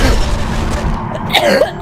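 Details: Sudden, rough cough or throat-clearing burst from an adult streamer, set off while laughing at a joke; cough.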